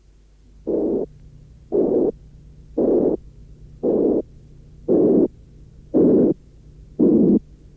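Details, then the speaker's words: Simulated harsh systolic murmur: it starts as a narrow frequency band centred around 460 Hz, then lower frequencies are progressively added down to 180 Hz, and the sound becomes increasingly rasping. "J’ajouterai progressivement les fréquences plus basses, jusqu’à 180 Hz. Remarquez comme le son devient plus râpeux."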